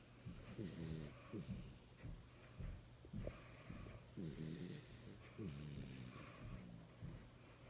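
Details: Young-looking male Jack Russell–Chihuahua mix dog snoring: short, rattling, slightly whistling breaths about one per second over a steady background hum.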